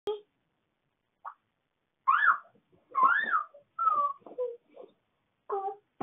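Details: Two-year-old girl, a twin, asleep at 2:52 AM: short, high, wavering howl-like cries and moans like a coyote in a quiet room, sleep vocalization.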